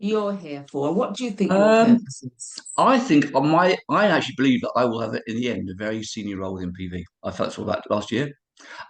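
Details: Adult man of about 51–52 with cerebral palsy, also living with HIV, speaking about his own long-standing speech impediment: dysarthria due to cerebral palsy.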